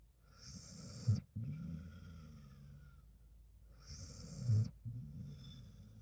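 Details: Two soft snoring breaths from a sleeping dog, each with a faint high whistle through the nose; harmless snoring with nasal whistle.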